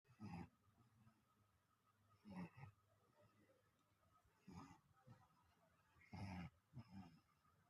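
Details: Snoring during an afternoon nap: low rattling snores in a slow rhythm, about four breaths in under eight seconds, in a quiet room; snoring.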